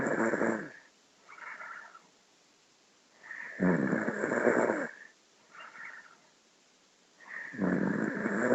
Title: SUPER ONTI SNORING